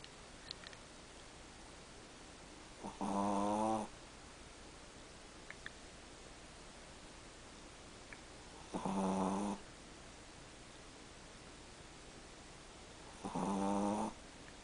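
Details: A Chihuahua snoring while trying to nap: three loud buzzing snores, each about a second long, at roughly ten a minute in a quiet room.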